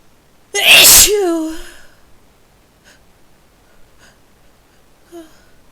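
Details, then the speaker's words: Sneezing set off by a spice, usually forceful and desperate: one loud explosive sneeze with a voiced tail, then quiet breathing; afterward needs to blow nose. "Need to blow my nose now. Those were huge."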